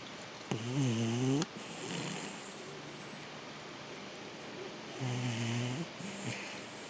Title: My Dog Snoring... HAHA!!